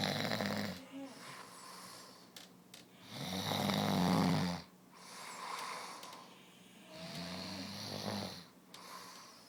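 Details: Three loud, rough, rumbling snores on inhalation, with quieter breathing between them, about 16 a minute, in a quiet room.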